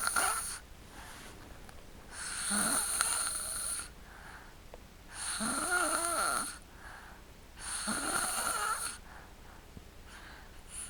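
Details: Sleeping and snoring: three long, rough, buzzing inhalations about 2.5 seconds apart, each followed by a quieter pause, steady snoring.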